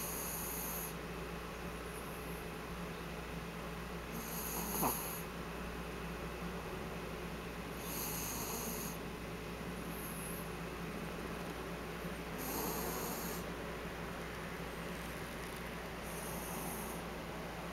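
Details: Rhythmic snoring with a soft rasping snore on each breath, at about 14 to 15 breaths a minute.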